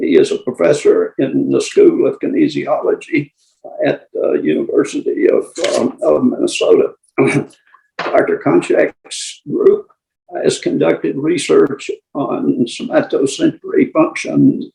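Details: Person with adductor spasmodic dysphonia who tried vibro-tactile stimulation, treated with Botox injections and close to needing the next one, with increased voice strain; adductor spasmodic dysphonia.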